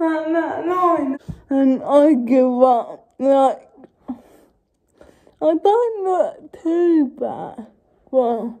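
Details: Adult woman with cerebral palsy speaking. Finding: dysarthria in cerebral palsy.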